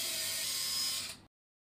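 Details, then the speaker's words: Power drilling of bone through the LCP drill sleeve 3.5 with a 2.8 mm drill bit into the central plate shaft hole, in a demonstrated proximal femur varus osteotomy with an LCP Pediatric Hip Plate 3.5 110°: brief high-pitched whirring, cutting off abruptly after about a second. "The LCP drill sleeve 3.5 is inserted to the central plate shaft screw hole. The LCP drill bit 2.8 mm is used to drill a hole."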